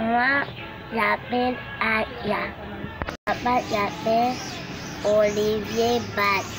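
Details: Patient operated on for cleft palate, repeating practice words in a speech therapy camp session; difficulty with high-pressure consonants (P, B, T, D, K) from nasal air escape; cleft palate speech.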